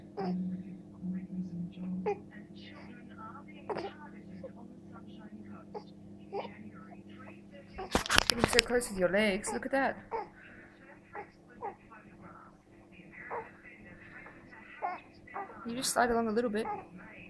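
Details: Baby during tummy time: intermittent fussing whimpers and brief wailing cries, with adult voices and room hum; ordinary infant fussing.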